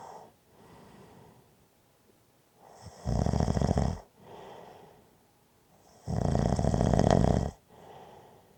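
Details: Two loud, rough rattling snoring inhalations about three seconds apart, separated by softer breathy exhalations; snoring at roughly 20 breaths a minute.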